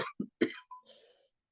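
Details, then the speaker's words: Adult recovering from illness, still with some lingering nose trouble, giving three short, sharp coughs without a rattle in quick succession, fading into a faint breath; dry cough. "I have a wicked dry cough, so you might hear that some today."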